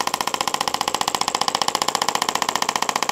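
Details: Fast, steady machine-gun-like tapping from a radial shockwave device on the foot in a podiatry office, started at 2 bars and 15 Hz, moved back and forth over a dollar-sized area, more pressure on the heel than the arch.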